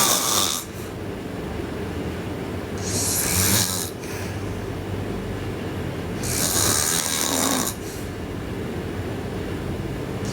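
Loud, harsh snoring on breaths in, roughly three in ten seconds, with quieter breathing between; steady background noise.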